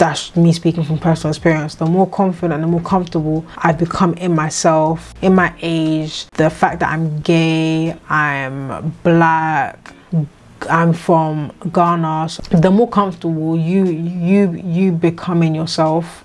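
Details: 26-year-old woman with a lifelong stammer that has come and gone and was at times severe, treated with speech therapy; she says it is more prominent here because she is tired and slept badly; stuttering (stammering).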